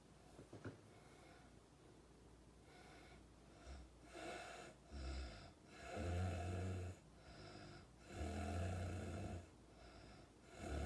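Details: Irregular, fairly quiet low rumbling snores with each breath in, about four in 11 seconds; snoring from a Nepali sleeper in America.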